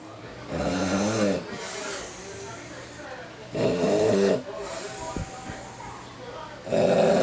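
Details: Loud, rough, rattling snores recurring about every three seconds, roughly 20 breaths a minute, from a heavy man snoring on Christmas Eve night.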